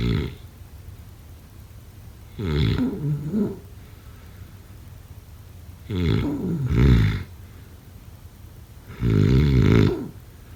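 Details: Snoring: loud, deep, rumbling snores about three seconds apart, around 20 a minute, some with a double rattle.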